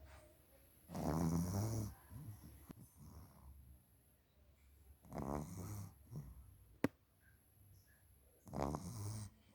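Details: Two sleeping pugs: three low rattling snores a few seconds apart with quiet snuffling breaths between.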